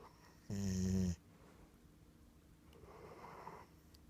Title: snoring